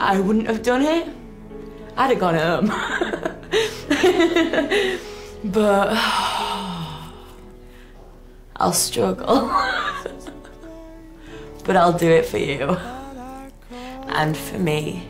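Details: Acquired stuttering in a 23-year-old woman following a minor stroke caused by the rare condition HHT; repetitions on sounds; attending an intensive four-day stammering course.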